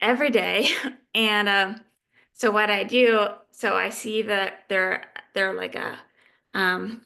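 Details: Adult woman living with aphasia; aphasia.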